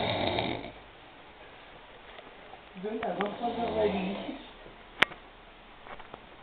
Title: fait dodo après un dixit